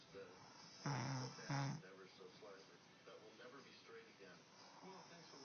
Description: The wife doing more snoring